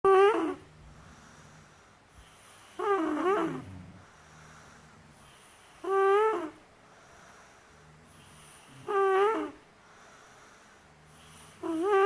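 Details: Boy at a boys' boarding school snoring: loud, rattling, honking breaths recurring about every three seconds, roughly 20 a minute, with quiet exhales between: heavy snoring.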